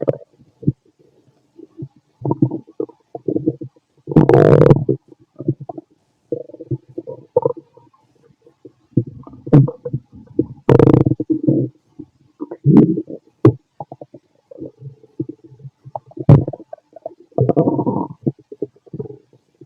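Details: Irregular bursts of low gurgling and rumbling with brief quiet gaps, from a fit male's stomach after lunch and a carton of milk, recorded with a stethoscope; active bowel sounds (borborygmi).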